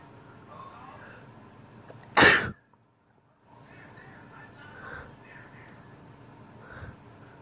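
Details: A single sharp, explosive allergy sneeze amid quiet room noise, then brief silence; one of a day's collected sneezes recorded on a birthday whenever the person felt a sneeze coming.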